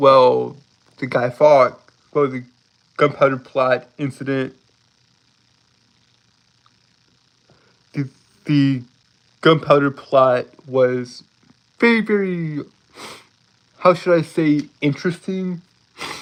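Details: Lifelong stuttering present since birth in a male speaker, who says he holds his words rather than stuttering over them; stuttering with blocks and repetitions.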